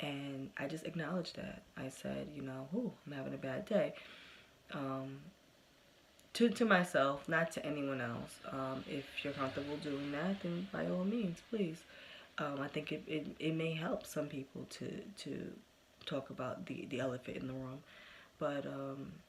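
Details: Developmental stuttering in an adult woman, present since early childhood and persisting into adulthood, with good and bad days.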